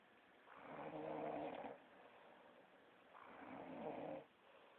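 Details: Adult woman (girlfriend) snoring in sleep: two rough, fluttering snores about three seconds apart, each over a second long, over quiet room noise; ordinary snoring.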